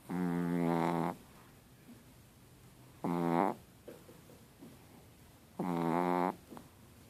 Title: The Snoring Chihuahua Henry